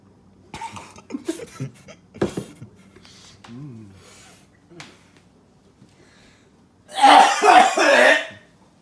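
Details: Acted coughing in a comedy skit about drinking "Covid-19 water": several loud, harsh coughs in a short burst after a few quieter sounds; the performer does not actually have Covid-19.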